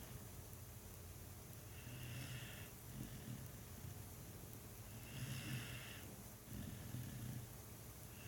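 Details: Sleeping dog snoring contentedly: soft, low, rumbling breath sounds in slow cycles over a steady background hum.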